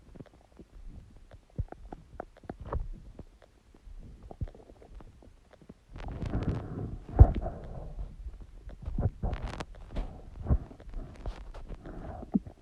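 Low gurgling rumbles and bubbling pops from the belly, ordinary stomach growling.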